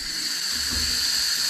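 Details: Dental operatory suction line, reported weak or no suction from kinked hose, after cutting hose: steady high-pitched rushing hiss with low rumble as opening is partly covered; dental suction running.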